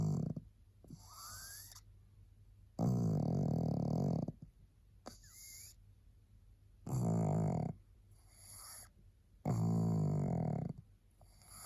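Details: Tired pug resting, barely able to hold her head up: loud rattling snores on in-breaths with quieter whistling out-breaths, about 14 breaths a minute; snoring.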